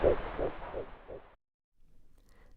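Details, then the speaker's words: Fetal heartbeat at 10 weeks' gestation on a home BabyBeat fetal Doppler: rapid, regular whooshing pulses at about 170 a minute, much faster than the mother's pulse. "wow the fetal heartbeat at only 10 weeks notice how fast the heart rate is at this stage"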